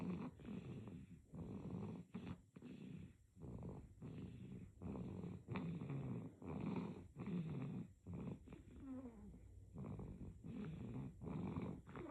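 Soft, rhythmic noisy breathing in sleep with a snoring rattle on each breath, about a second apart, with a few squeaky whistling breaths near the end.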